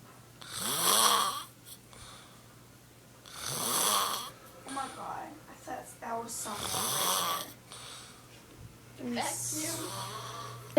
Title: Snoring mom